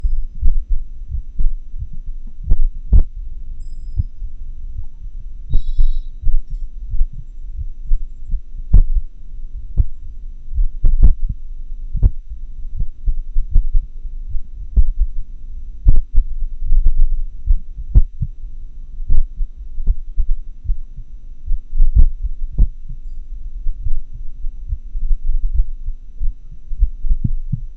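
Low heart thumps come at an irregular, unpredictable spacing with varying loudness, over a steady low hum from the recording setup. The irregularly irregular rhythm fits atrial fibrillation, where the upper chambers quiver instead of beating, so beats arrive at random intervals.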